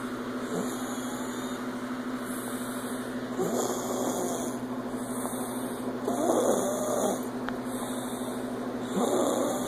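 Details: Soft, raspy snoring breaths about every three seconds over a steady low hum of room noise.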